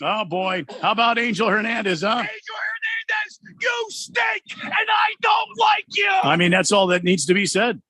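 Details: Adult man speaking; ordinary speech.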